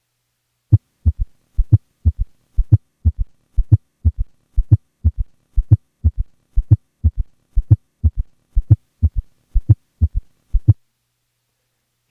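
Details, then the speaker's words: Recording during expiration, so no S2: slow regular heartbeat at 60 a minute with both S3 and S4 per cycle; S3 and S4 gallop. "here is a patient with both an S3 and an S4 at a heart rate of 60 beats per minute with a recording made during expiration and thus without an S2"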